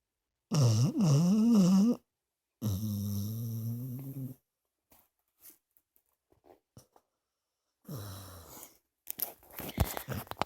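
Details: Snoring while deeply asleep: two long, loud, buzzing breath sounds, then faint snuffles and another rougher breath; noisy sleep breathing.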